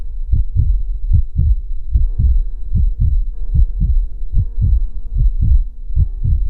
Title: Battement de coeur ! Heartbeat sound ! rythme cardiaque - Pulsations !